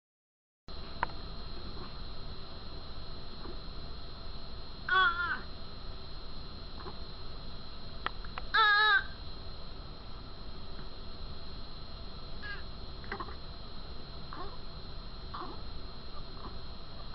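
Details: Newborn with short, soft grunts at the end of breaths and two louder whimpering cries over room hiss: expiratory grunting, a sign of respiratory distress.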